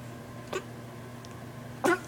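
Two short, harsh cough bursts from a cat over a steady low room hum.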